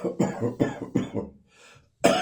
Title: Christmas morning bronchitis cough.